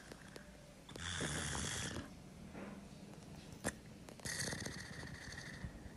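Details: Patient with a tracheostomy: two harsh, rattling, snore-like breaths with a wet gurgle as secretions clog the tube and need suctioning.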